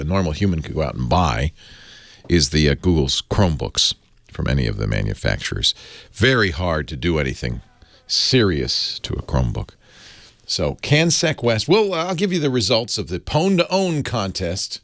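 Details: Adult male speaker; Normal speech.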